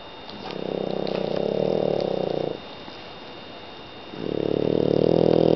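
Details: Sleeping French bulldog snoring: two long, low, rattling snores separated by a quiet pause.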